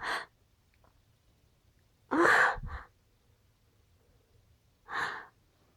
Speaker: Phew. Gotta sneeze. Phew. Bless me.